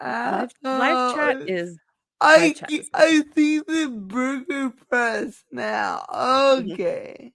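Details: Dysarthria in a speaker who says it is due to her cerebral palsy and that nothing can be done about it.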